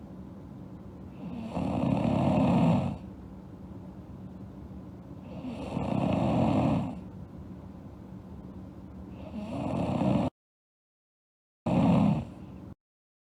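Loud, rumbling snores on each in-breath, roughly four breaths at a slow sleeping pace of about 16 a minute.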